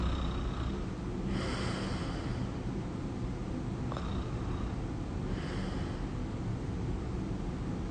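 Three slow, rough snoring breaths over steady low room noise, about one every four seconds.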